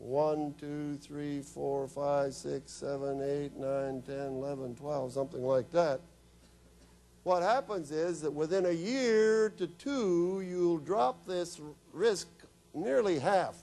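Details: Woman whose larynx was removed, followed by radiation then chemotherapy, speaking with a battery electrolarynx held against her throat: electrolarynx speech.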